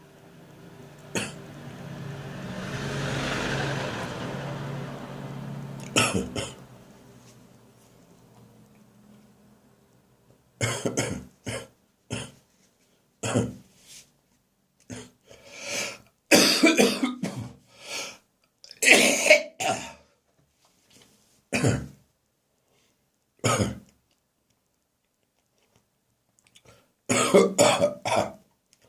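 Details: Adult's repeated dry, hacking morning coughs in short bursts, some ending in gagging, in a bathroom; cough now drier and less frequent: dry cough with gagging.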